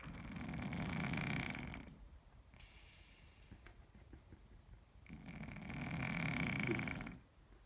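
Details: Persian cat: two long, rough, rattling snores about five seconds apart, roughly 12 breaths a minute, with quiet breathing between; cat snoring.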